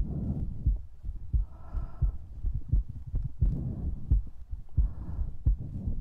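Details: ASMR recording with breathing, mouth sounds and heartbeat: soft low thumps at about 87 a minute, somewhat irregular, mixed with faint breathing and mouth noises; heartbeat.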